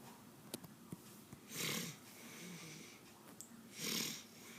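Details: Two loud, breathy, raspy snores about two seconds apart against quiet room noise; a sleeping mother's ordinary snoring.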